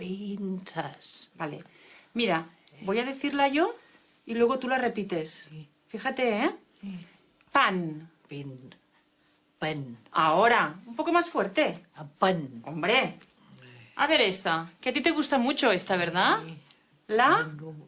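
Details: Adult woman speaking Spanish; ordinary speech.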